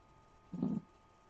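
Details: Forceful heartbeat in hypertension with atherosclerosis (cholesterol buildup narrowing the arteries), heart beating harder: a single deep, heavy thump over quiet room noise.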